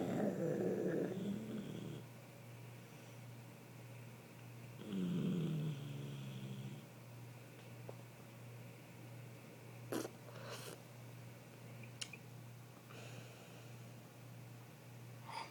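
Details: Two people snoring, filmed by a brother: two loud rattling snores a few seconds apart, with quiet breathing and faint room noise between them; snoring.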